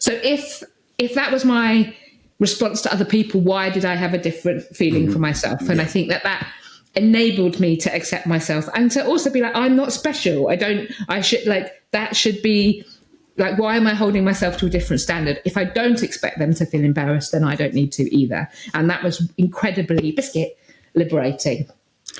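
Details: Adult woman speaking; Vocal tic (Tourette syndrome).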